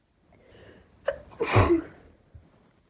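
A quick indrawn breath followed by one sharp, explosive sneeze burst in a quiet room.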